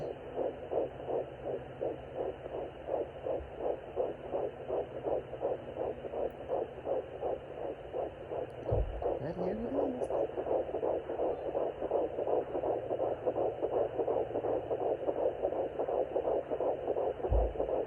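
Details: Home fetal Doppler at 10 weeks of pregnancy: rapid, regular whooshing fetal heartbeat, about 167 beats a minute, found after earlier failed attempts.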